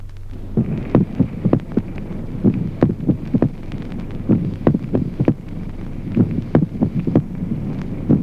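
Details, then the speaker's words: Split second heart sound with ventricular extrasystoles: irregular rhythm with premature beats, the second sound split around the extra beats. "ejemplo duodécimo duplicación del segundo ruido cardíaco en la extrasistolia"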